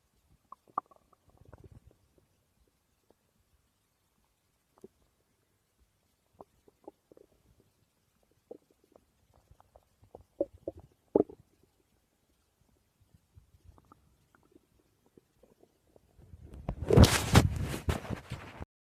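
Scattered soft gurgles and squeaks in a quiet room, ending in a loud, long rumbling growl; ordinary stomach growling.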